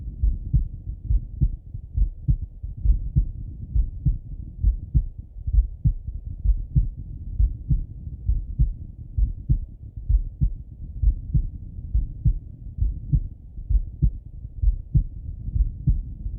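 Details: Male heart auscultated with a stethoscope, recorded either sitting at a desk or lying in bed: steady low lub-dub thumps, regular rhythm about 66 beats a minute; normal heart sounds.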